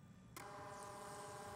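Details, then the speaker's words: Built-in thermal printer of a Zoll Zenix monitor-defibrillator, started with the print key to print current on-screen waveform data: sudden steady mechanical whir of paper feeding after quiet. "The print key starts a print out of the current waveform data on the screen. Press the key once to start printing"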